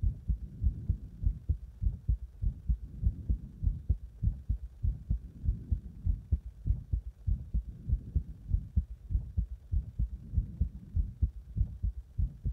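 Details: Rapid, regular, heavy, pounding low thumping at about 98 a minute; heart sounds recorded with cardiac massage and chest compression.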